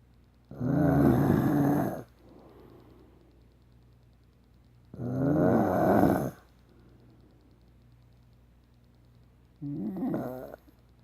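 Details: Snoring in a man: loud rattling snores on breathing in, spaced by quiet breathing out, about 14 breaths a minute.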